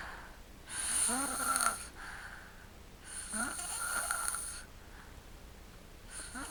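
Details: Sleeping subject gives loud, rasping snores on each breath in with a squeaky whistling edge, about three heard, separated by quieter breathing and room hiss: snoring.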